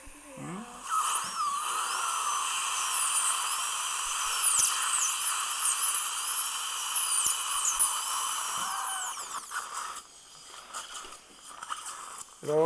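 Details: High-pitched whining surgical drill runs steadily for about nine seconds, then stops, sectioning a horizontally impacted lower left wisdom tooth (#38) after incision and flap during a live surgical extraction.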